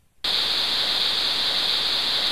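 Steady hiss of white noise after a brief silence, the masking sound hearing aids play to ease tinnitus.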